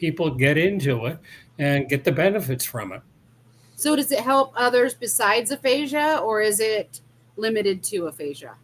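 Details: Adult woman speaking; no speech disorder.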